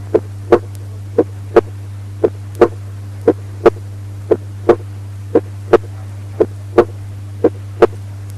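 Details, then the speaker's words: Normal heart sounds at the aortic area, regular at about 58 a minute, with S2 louder than S1. "Normal heart sounds at the aortic area. S2 louder than S1."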